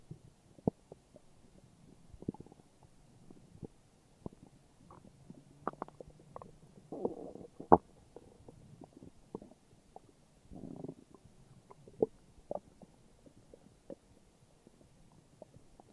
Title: morning stomach growls :3